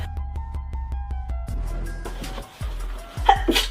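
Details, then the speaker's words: Female with bad allergies, sneezing a lot lately: over background music, a single sharp burst of breath and voice, a sneeze. "I'm sneezing so much lately 30 minutes that I have I'll think about it wait what yummy yummy I've sneezed C you I'm allergic to life okay bye"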